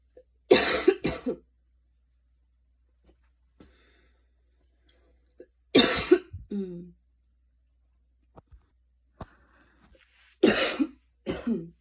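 Three short episodes, each a harsh cough of one or two bursts, with quiet between; a mild cough after a fast run.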